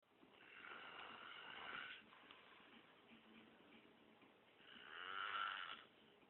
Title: Snoring Monkey